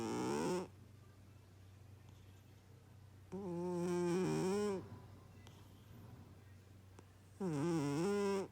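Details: Sleeping cat snoring: rhythmic buzzing, slightly tonal snores on each breath, about 15 a minute, over a low steady room hum.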